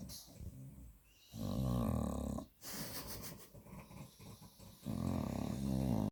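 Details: Two Staffordshire bull terriers snoring at bedtime: deep, rumbling, fluttery snores on each breath in, with snuffly breathing between them.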